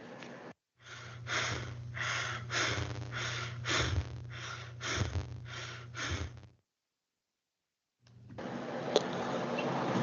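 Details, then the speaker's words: Tachypnea played as a teaching example of rapid breathing in a student presentation on respiratory regulation: quick, shallow breaths in close succession, roughly 30 or more a minute. "A continuación tenemos la taquipnea, que es una respiración rápida y esta se va a ver en trastornos como en bolas pulmonares, ataques de pánico, ejercicio intenso y muchas otras causas. Y se escucha algo así."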